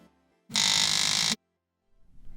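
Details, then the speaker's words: Electrolarynx whose diaphragm is misaligned: a harsh, steady, distorted buzzing tone lasting under a second, showing the poor sound quality when the diaphragm needs realigning. "The diaphragm orientation can also impact sound quality of your electrolarynx. If your device sounds similar to this example,"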